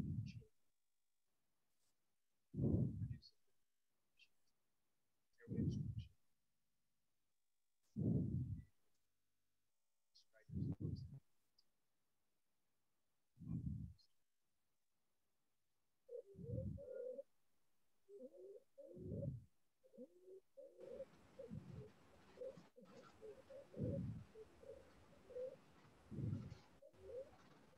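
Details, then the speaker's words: Inspiratory stridor demonstrated for acute laryngotracheobronchitis, acute epiglottitis and laryngomalacia teaching: harsh, noisy breaths about 23 per minute during inspiration, from a narrowed upper airway. "এ হচ্ছে স্ট্রাইডর sound তো আশা করি এখন আপনাদের যেহেতু কানে শব্দটা গেছে আশা করি যে এরকম কোন শব্দ যখন শুনতে পাবেন হ্যাঁ পেশেন্টের কাছে তখন বুঝতে পারবেন যে এটা স্ট্রাইডর আর এটা হচ্ছে ইন্সপিরেশন ডিউরিং ইন্সপিরেশন অর্থাৎ শ্বাস নেওয়ার সময় এটা হচ্ছে"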